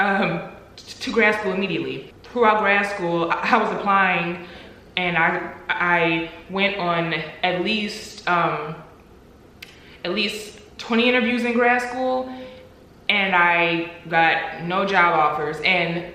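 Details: Adult woman who stutters, speaking with audible word repetitions; stuttering.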